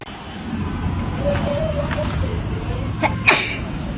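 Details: A woman's short sneeze, preceded by a brief catch, over steady low road or vehicle rumble: sneeze.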